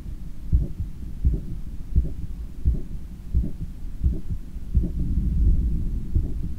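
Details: Own heart sounds via stethoscope after a 10 km run, lying on a daybed turned onto the left side while trying to control breathing: strong, steady low thumps at about 86/min, still brisk; normal post-exercise heart sounds.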